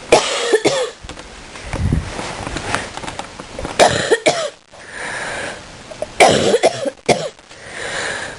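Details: Repeated harsh, deep coughs in clusters with strained breaths between; prolonged deep coughing fit.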